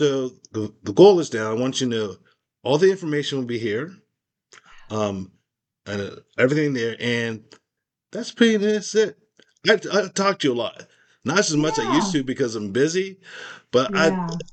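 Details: Post-stroke aphasia in an adult man, recorded in a real, unscripted conversation; aphasia.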